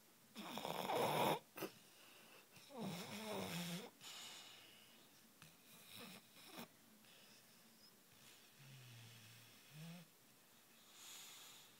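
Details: Irregular rattling snores and snorts with quieter breaths between, about 25 a minute, from a sleeping male; snoring.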